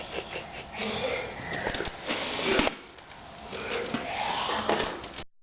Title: fake coughing